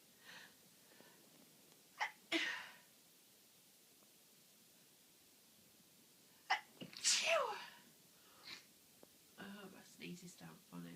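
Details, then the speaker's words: Person with a cold, itchy nose, watering eyes and a nose becoming blocked, sneezing uncontrollably: two forceful sneezes, each with a sharp inward breath before the burst, then a few quiet words. Tears running from sneezing so much. "I've actually got tears running down my face from sneezing so much."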